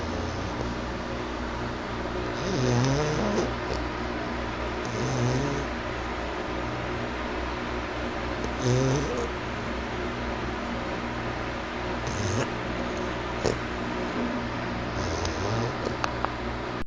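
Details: Sleeping male Chow-Chow: low, rattling snores with each breath over a steady background hum; snoring.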